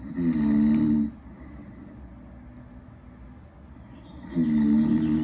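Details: Snoring captured with acoustic and accelerometer sensors and shown as waveforms in a desktop app: two loud, rumbling snores on breathing in, about three seconds apart.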